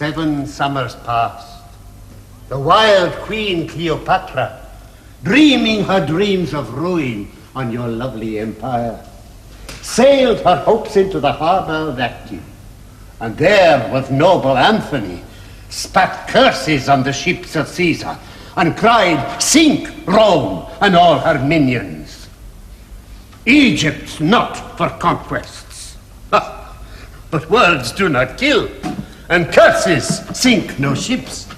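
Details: Adult male actor reciting; normal speech.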